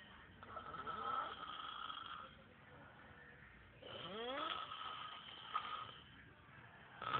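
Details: Two sleepers snoring: two soft, whistling, slightly rising snores a few seconds apart; muffled recording.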